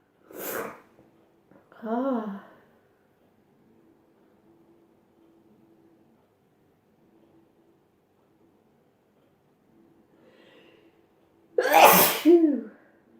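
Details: A short burst and a vocal intake sound, then after a long pause a loud, forceful sneeze with a voiced trailing exhale; sneezing from a sneezing compilation.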